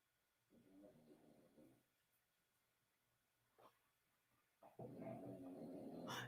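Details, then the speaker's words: Snoring from a sleeping dog: low, rattling rumbles, one softer and one louder, separated by a quiet pause in a still room. "Do y'all hear him snoring? He is over here super snoring."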